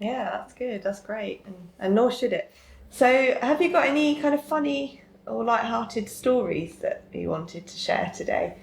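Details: Adult woman speaking; normal speech.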